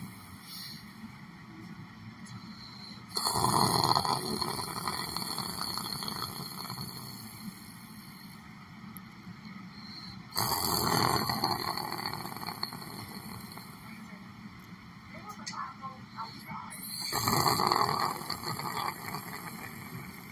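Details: Person sitting on a chair, asleep, snoring: three long, rough, rattling snores about seven seconds apart over steady room noise.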